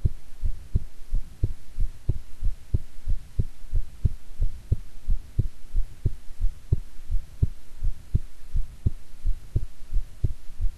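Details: Own heartbeat recorded at length: steady low paired thumps, about 90 beats a minute, over a constant low hum, with stomach growling from digesting an Atka mackerel set meal; normal heartbeat.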